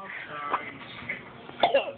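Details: A young girl's pretend cough: a few brief, deliberate cough-like throat-clearing bursts, not from illness.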